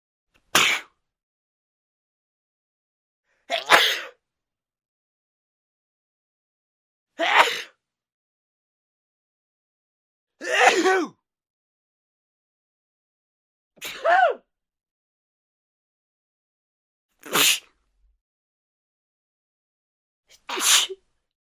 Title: SNEEZE SOUND HD | ESTORNUDAR ESTORNUDO